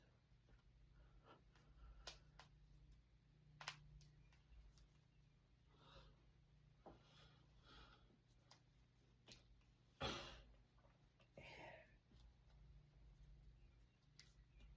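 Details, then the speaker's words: Quiet room with scattered sharp clicks and pops as the person deliberately cracks their fingers and knuckles one after another; harmless joint cracking. "Anyways I pretty much cracked all these."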